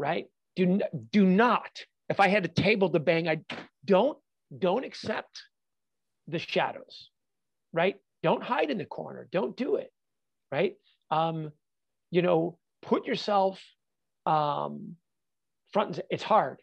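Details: Adult man with stuttering, a fluency disorder since childhood; he says he stutters all the time, not only when nervous.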